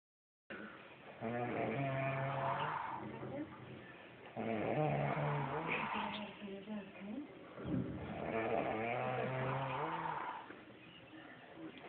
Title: Snoring brother